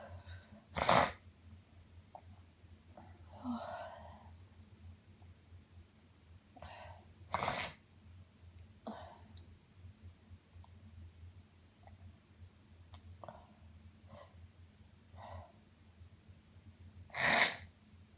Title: Sniffles after Sneezing